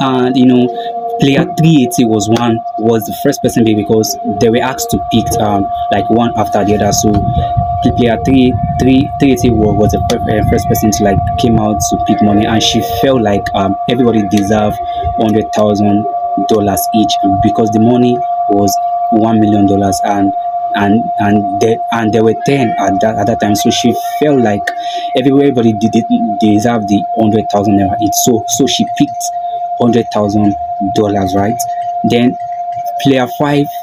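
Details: Stuttering in an adult man who calls himself a stammerer; this stretch has a broken word and a repeated word.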